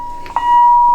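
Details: Steady, high-pitched electronic alarm tone from a combined paediatric/adult defibrillator with an AED mode, demonstrated in an emergency department resuscitation training tutorial.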